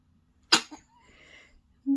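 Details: Newborn baby boy giving a single sharp, explosive sneeze, followed by quiet breathing and a brief voice at the end; sneezing.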